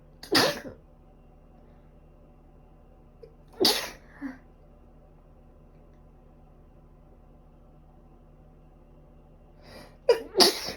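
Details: Person with a cold, allergic rhinitis, runny and stuffy nose, and five days of fever: about four sharp sneezes over ten seconds, the last two close together; repeated sneezing.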